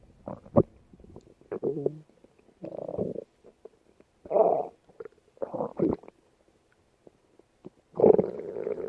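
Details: Della's stomach growling late at night: short bursts of gurgling and low groaning rumbles separated by quiet gaps; ordinary borborygmi.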